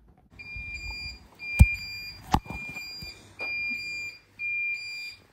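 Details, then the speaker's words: Hospital room around 1am after scoliosis spinal fusion surgery, patient on morphine button; repeated steady electronic alarm tones about every second with bumps and knocks; medical equipment alarm. "won't stop beeping and then that's just take that [ __ ] um my morphine buttons out"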